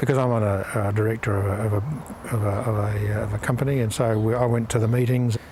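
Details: Adult man with aphasia after a stroke that left him in a coma; full physical function recovered but speech affected; aphasia.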